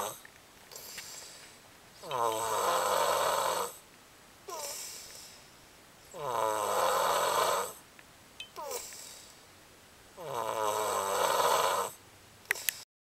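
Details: Steady snoring: regular rattling snores on each breath in, about 15 breaths a minute, with quieter breaths out between them.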